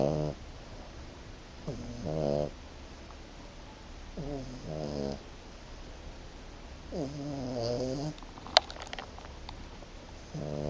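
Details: Five-month-old male French Bulldog, snoring: rhythmic, harsh snorting breaths every few seconds with buzzy rattling on inhalation; owner expects it to worsen.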